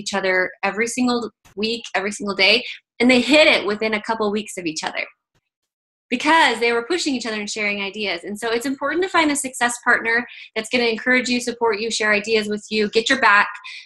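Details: Adult woman speaking; Normal speech.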